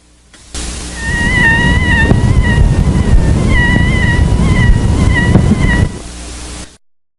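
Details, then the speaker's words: Bronchial leak squeak: a high-pitched, wavering whistling squeak over heavy rushing air, recorded without a stethoscope directly over a pleural-cutaneous fistula during a sustained Valsalva manoeuvre; the pitch is higher in smaller fistulas. "the squeak is a high pitched sound over the affected chest area during a sustained valsalva maneuver the pitch being higher in smaller fistulas than in larger fistulas"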